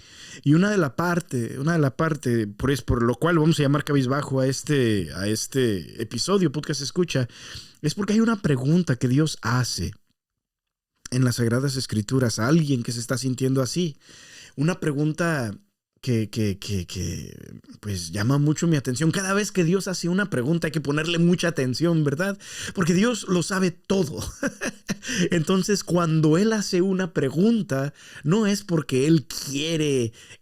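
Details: Stuttering in an adult male podcast host, who says it worsens after breaks from podcasting and that he stuttered even more while re-recording his intro about seven times; stuttering.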